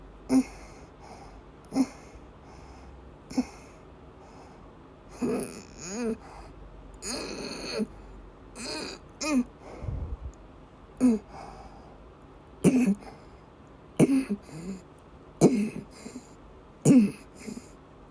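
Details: Repeated short coughs with strained, wheezy in-breaths between them in a quiet room, in a woman during persistent asthma attacks, also with migraine-cluster headache complex and vomiting; cough during asthma attack.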